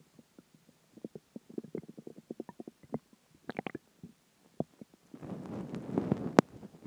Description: A combination of dinner, water, and gas